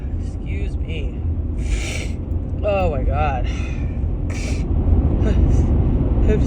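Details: Adult woman still recovering from a cold, sneezing while driving: short harsh sneeze bursts with brief voiced catches between them over steady car engine rumble; repeated sneezing.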